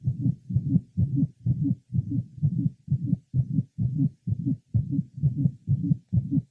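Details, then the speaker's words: Mitral valve prolapse: regular heartbeats with a loud musical honking murmur late in each systole, the systolic whoop or honk, resembling a whooping-cough child's whoop or a goose's honk. "to some this murmur resembled that of the honking of a goose and called it the systolic honk it is generally in late Cy and can be loud or faint"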